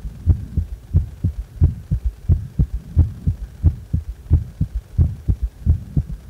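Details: Regular low heartbeat about 88 a minute with an extra soft low sound after the second sound; a strong third heart sound (S3) gallop.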